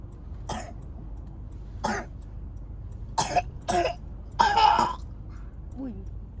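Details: Several short dry coughs and throat clearings from a child said to have asthma, described as an ugly cough, with a faint voice afterward; heard after a flight.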